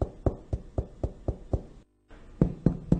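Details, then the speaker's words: Dull percussion note during a lung exam: short, flat taps of finger-on-finger chest percussion, middle finger in the intercostal space, used to tell whether fluid or air surrounds the lung. "ermet de savoir s'il ya de l'eau ou de l'air autour du poumon pour la percussion il est important que la main épouse la paroi thoracique"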